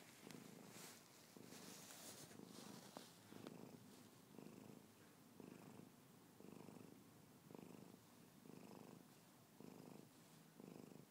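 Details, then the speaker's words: Loud, rhythmic rasping snoring from a sleeping cat, repeating about once a second in a quiet room. "Come on, man. Snoring like a wildebeest. Good night."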